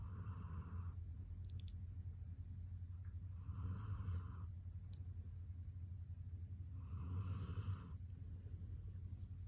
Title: Snoring Border Collie